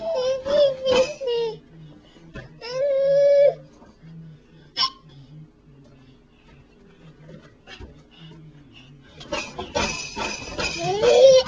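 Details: Infant, possibly still having hiccups months later, recorded on a Flip Video camcorder: short bouts of tonal crying and whimpering with quiet pauses, then a louder cry at the end; infant cry.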